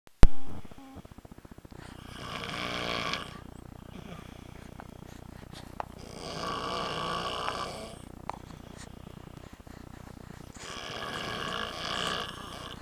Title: Dad snoring